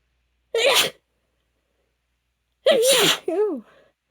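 Two forceful sneezes in a quiet room, the second followed by a brief voiced gasp; allergy sneezing.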